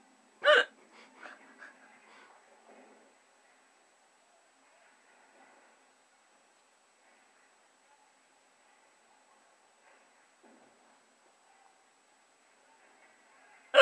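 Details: Hiccups from an adult woman (girlfriend): a sharp single hiccup followed by a few softer catches, then quiet.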